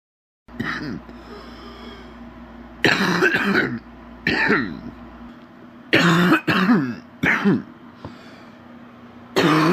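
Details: Adult man with an extremely stuffy nose: deep, rattly coughs in bursts, a wet productive cough with a congested throat.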